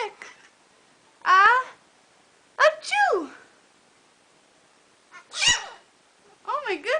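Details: Blue-crowned conure (parrot) copying its owners' sneeze: several short, sharp sneeze-like bursts; imitated sneeze.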